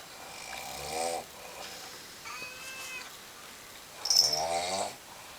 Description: snoring